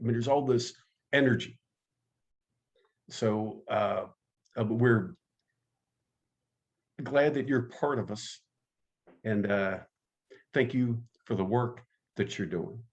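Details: Adult man who stutters, active in the stuttering support community for over 25 years; stuttering.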